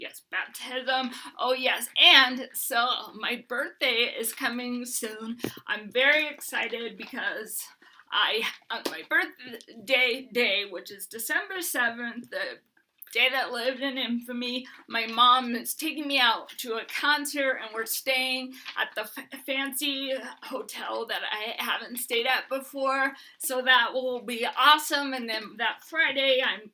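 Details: Hyperkinetic dysarthria in an adult woman with Huntington's disease, who uses a bed setup to prevent falls and is getting a service dog.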